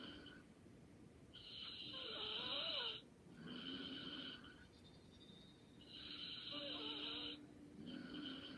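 Soft, airy, high-pitched breathing sounds with a faint whistling edge, over steady background hiss; light snoring.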